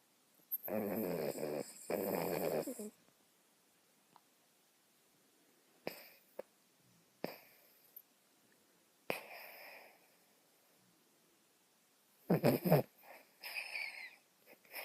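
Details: Snoring in a female dog, reportedly while awake: irregular rough breathing noises with a few louder snorting bursts, no clear musical wheeze.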